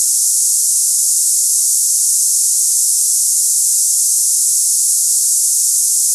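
Steady high-pitched hissing, like cicadas, with no variation; a simulation of hissing-type tinnitus.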